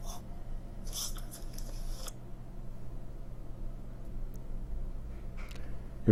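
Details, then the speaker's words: A dog gives a run of harsh, dry, honking goose-like coughs, described by a veterinarian as a typical dry cough from narrowing of the trachea or bronchi. "경우는 좀 더 거위 같은 소리가 나지요"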